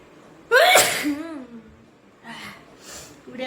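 A single loud, forceful sneeze with a sharp voiced burst, followed by quieter breaths and sniffs in a small room.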